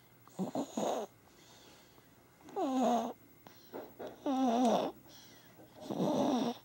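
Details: Infant making rhythmic grunting, voiced snore-like sounds with its breaths, about 34 a minute: baby snoring.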